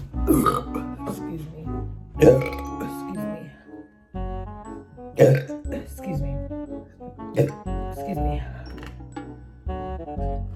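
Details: Woman's burping compilation: several loud, voiced burps in a row with music playing behind; ordinary belching.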